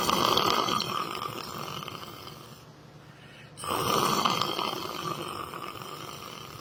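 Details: Person snoring while sleeping sitting down in church: two long, rough, rattling snoring breaths separated by a quiet pause.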